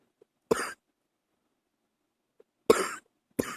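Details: Adult coughing in the early morning: three single harsh coughs, each followed by silence, in a quiet room; plain cough.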